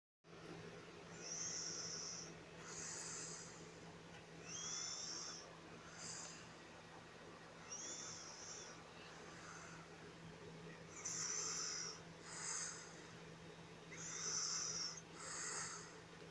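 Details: Soft, hissy snoring breaths at about 19 per minute over a steady background hum; noisy breathing during sleep; snoring.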